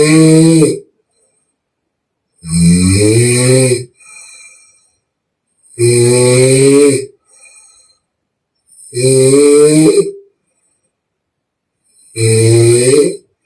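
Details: Young Chinese woman in deep sleep, real recorded snoring with mouth blowing: very loud, rattling inward snores about every three seconds with soft outward breaths between; heavy open-mouth snoring.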